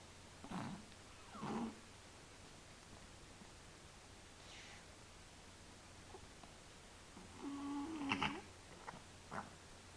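Soft, irregular snuffling snores from a sleeping cat, with faint squeaky breaths between, over low room hum.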